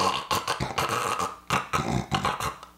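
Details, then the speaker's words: Adult demonstrating an anti-snoring device held in place, deliberately imitating snoring with the tongue falling back: short rough fluttering throat noises in bursts, simulated snoring. "Can I make myself snore with this in place? This is an anti-snoring device. Can I snore with it?"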